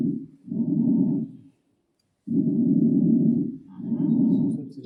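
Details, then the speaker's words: Loud, harsh imitated breath sounds with a clear pause between inspiration and expiration, demonstrating normal bronchial breath sound during lung auscultation teaching. "So let's hear the normal sound bronchial for example here bron bronchial sound will be like this."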